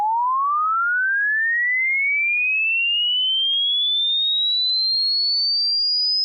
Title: How Old is Your Hearing? - Test for Your Ears | #HearingTest | #Hearing | #Sound | #SecretSwipe